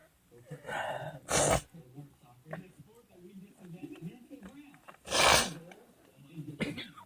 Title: Literally sneezing like crazy